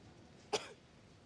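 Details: Acted cough by an adult woman in a film scene: a single short, sharp cough burst with a brief trailing breath over faint room noise; cough.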